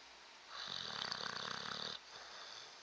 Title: Snoring bulldog